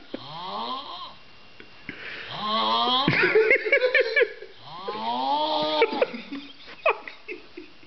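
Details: Loud snores rising into high whistling, squeaky tones, with short snorts between breaths; snoring with whistling.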